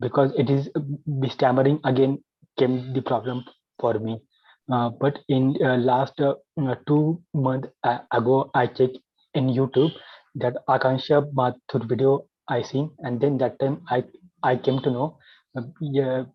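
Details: Adult male with stuttering since childhood, had therapy in 2010, still working to overcome his stammering; stuttering.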